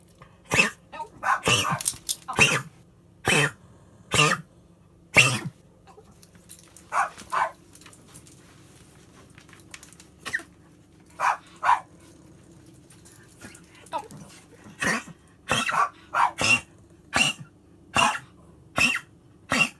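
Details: Dog gives about 20 short, harsh coughs in 20 seconds, some in quick clusters, separated by quiet pauses: cough in a dog.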